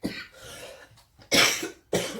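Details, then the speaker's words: Three harsh, forceful coughs, the first preceded by a spluttering throat sound, in a small room, from a speaker unwell and sick while recording; cough. "so sorry if you've lasted this long with me coughing and spluttering through your reading I really do thank you and I appreciate very much"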